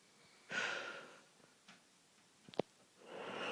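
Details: Person snoring in a quiet room: noisy, rattling breaths with a harsh snort on breathing in and a short snuffle between; snoring with snorting.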